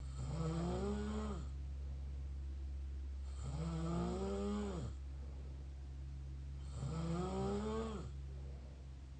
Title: mouth snore pt 3